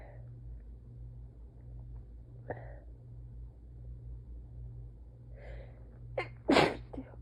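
Soft sniffs and a catching breath, then a sudden loud sneeze in a quiet room.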